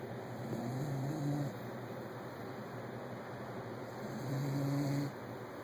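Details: Sleeping puppy snoring: two low, rumbling snores a few seconds apart with quieter breathing between them; ordinary sleep snoring.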